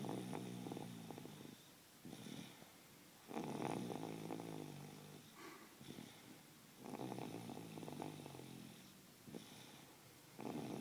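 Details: A sleeping 28-month-old child snoring: rhythmic rattling breaths lasting one to two seconds with quiet gaps, about ten cycles a minute.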